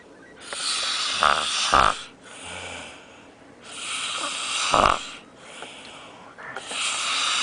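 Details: Man asleep while on holiday: loud, rough, rattling snores with each breath, about 20 breaths a minute, with some snorting bursts; ordinary snoring.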